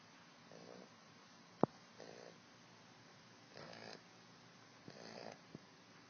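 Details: Small but loud pit bull puppy snoring in its sleep: soft, rattling snore bursts about every one and a half seconds.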